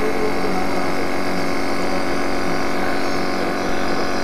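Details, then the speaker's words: Steady low droning hum of a piston-type nebulizer compressor running continuously during a demonstration, turning liquid medicine into a fine mist. "now you can see the Blazer compressor it is actually piston deck"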